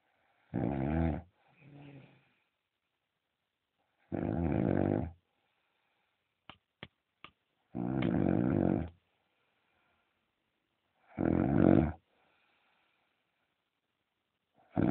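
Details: Heavy snoring from a man who had ENT surgery on his septum and tonsils, after which his wife says his snoring reduced: loud, rough snores in a quiet room, about 16 to 18 a minute.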